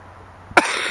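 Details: A single sharp adult cough after a brief quiet lead-in, with faint outdoor background at a lake on a fine day: cough.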